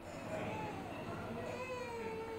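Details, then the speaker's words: Healthy sleeping newborn woken by hand clapping: sustained, clear cry rising and falling in pitch over faint room noise; a normal vigorous response to being woken. "comparons maintenant avec un bébé en bonne santé qui dort quand on essaie de le réveiller même en tapant simplement des mains il réagit normalement en s'agitant et en pleurant ensuite il reste"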